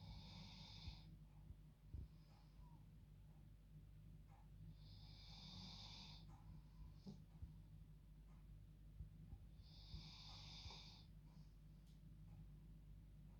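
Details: Female dog snoring like a human at bedtime: soft, hissing breaths roughly every five seconds over steady low room noise.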